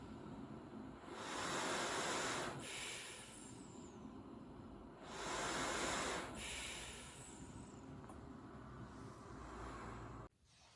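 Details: Close-miked recording of a running travel CPAP machine: steady airflow hiss and fan whir rising and falling with simulated breaths, showing typical travel CPAP machine noise.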